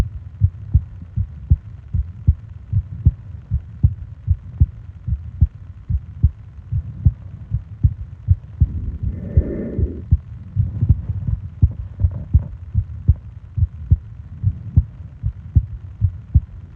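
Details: Sleep ASMR heartbeat and breathing recording: steady low thumping heartbeat about 78 a minute with a soft breath in the middle; normal heartbeat.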